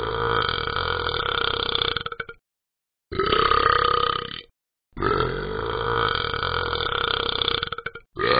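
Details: Child burping: several long, loud burps separated by short silences.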